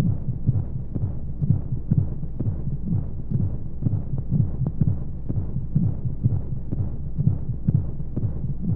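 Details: Womb-sound sleep aid for babies: steady muffled low thumps at roughly 125 a minute with soft whooshing white noise; heartbeat as heard inside the womb.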